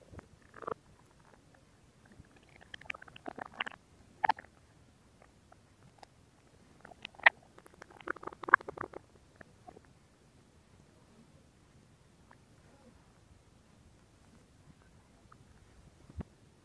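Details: ASMR stomach growling recording: bursts of gurgling and bubbling clicks, then long quiet stretches; ordinary borborygmi from gas and fluid moving through the gut.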